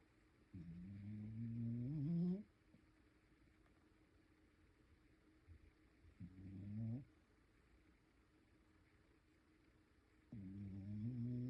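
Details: Dog (mixed breed) snoring while asleep: slow, rumbling, rising snores about every four seconds with quiet breaths between.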